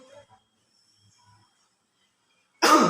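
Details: Near silence, then one forceful cough at the end: a demonstrated effective cough technique, which the speaker reports brought out very thick, glue-like sputum.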